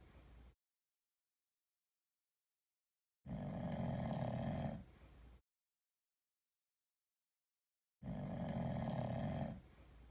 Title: Sleeping cat snoring like a human. 1